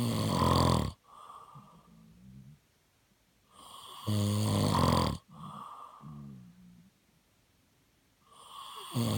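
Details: Heavy snoring: loud, rough snores on each breath in with quieter groaning breaths out between them, about two full cycles in nine seconds.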